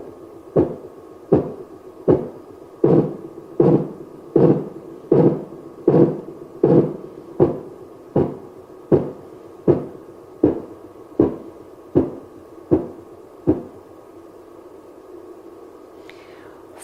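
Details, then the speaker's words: Regular Korotkoff tapping thumps at about 80 a minute, fading to silence as cuff pressure falls after inflation past 200, simulated on the arm of an advanced auscultation training manikin via external speaker. "slowly allow the air to release and listen for the 5 kurodo cough sounds"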